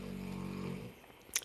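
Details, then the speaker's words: Sleeping English Mastiff snoring: one long, low, rumbling snore under a second, then quiet and a brief click. "I know because you can hear probably Kiana snoring right now, but if I exhibit anything other than calm and peace, and my home flows very nicely, and we're all very happy, if my dogs detect a shift, they are aware."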